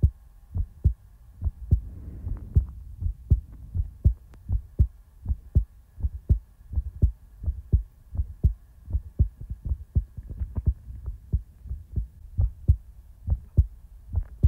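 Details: Steady low thumps of a normal heartbeat, about 80 per minute, with a faint hum behind; heartbeat ASMR recording in real time.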